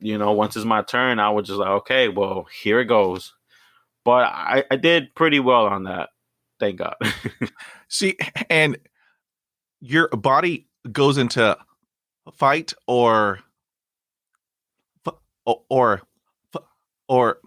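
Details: 29-year-old man who stutters, bilingual Spanish-English, currently in speech therapy and practising by talking to strangers, with no known family history of stuttering; stuttering.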